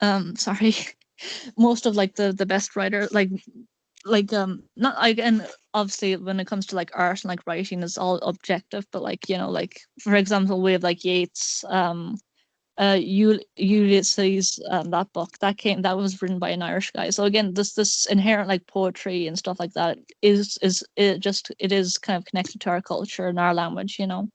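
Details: Male speaker who describes himself as having an awful stutter; stuttering.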